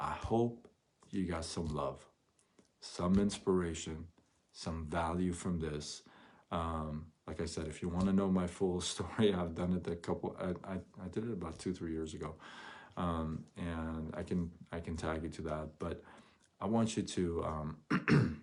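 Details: Adult male who stutters once in a while, onset noticed around age 6, severe between ages 13 and 24 with chin shaking and gasping for air; word and phrase repetitions; stuttering.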